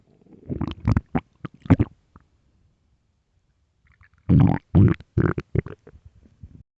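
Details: Two bursts of low, gurgling rumbles from the belly as the person wonders if they are hungry; ordinary stomach growling (borborygmi).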